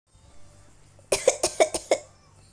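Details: A child gives five quick, light coughs in a row, a deliberate play cough: voluntary cough.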